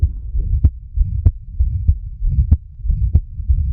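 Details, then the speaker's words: Digital stethoscope recording of a well-functioning prosthetic aortic valve with mild regurgitation: regular heartbeat near 95 a minute dominated by sharp prosthetic closing clicks, with a soft, non-intense murmur. "Lo que más se oye es el cierre de la prótesis. soplón no intenso era una prótesis que funcionaba bien, tenía una leve generación."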